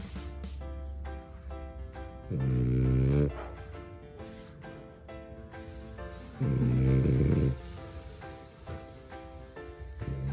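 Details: French bulldog asleep, snoring with two deep, loud rattling snores about four seconds apart, heard over background music.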